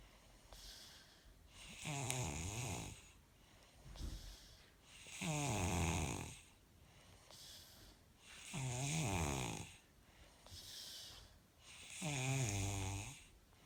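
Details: Regular snoring, about 18 breaths a minute, each inhale a rough rattling snore followed by a softer breathy exhale.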